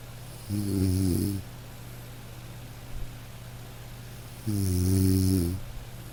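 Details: Sleeping dog snoring over light rain, relaxation recording: two slow, low rumbling snores about four seconds apart over soft rain; snoring.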